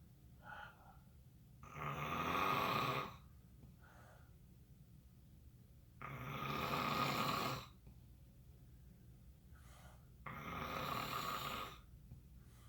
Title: snoring